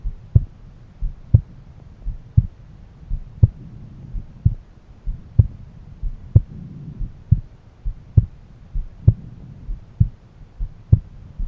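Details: Self-recorded heart auscultation at different valve areas: steady, regular paired lub-dub heart sounds at about 62 beats a minute, with a low background hum; heart sounds.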